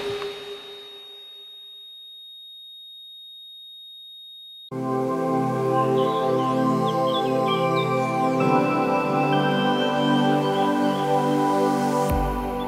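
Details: Steady high-pitched ringing tone in near silence simulating tinnitus (ringing, buzzing or hissing in the ears), followed by soft ambient music, in an ENT doctor's explanation of tinnitus.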